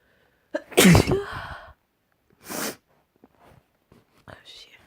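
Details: A loud, forceful messy sneeze followed by a second smaller sneeze-like burst and a few quiet breaths; sneezing.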